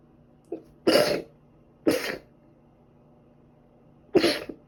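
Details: Three short, sharp, explosive sneezes with hissing spray and a faint catch before the first, probably from dust allergy; the person also recently caught a cold with ongoing cough and runny nose: repeated sneezing.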